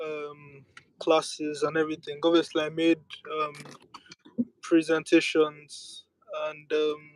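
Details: Adult speaker; stuttering.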